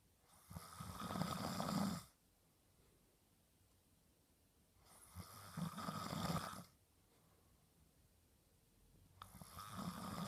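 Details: Adult husband snoring: loud, rough inhaled snores recurring about every four seconds, roughly 15 breaths a minute, with quiet gaps between; typical adult snoring.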